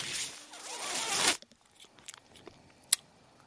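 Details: The speaker's own mechanical ventilator, heard while he talks: a rising, hissing rush of air lasting just over a second that stops abruptly, followed by faint clicks, as the ventilator delivers a breath.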